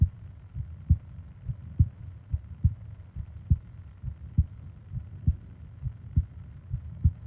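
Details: Soft, regular low lub-dub heartbeats at about 67 a minute, from a 20-minute ASMR sleep recording of heart and breathing sounds; normal heartbeat.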